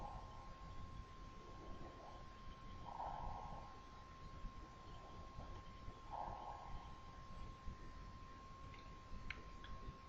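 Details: Bronchial/bronchovesicular breath sounds heard at the 2nd–3rd intercostal spaces in the right and left parasternal lines and paravertebrally at T2. Soft blowing sounds with a steady background hum, reflecting large-bronchus patency.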